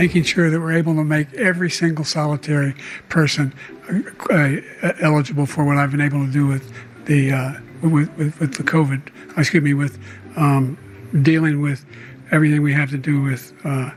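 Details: Adult male US president described as having long-standing stuttering, noted as not clinical aphasia.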